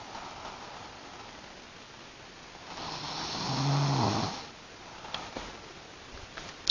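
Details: A woman snoring at night during a rough night spent sleeping in a car.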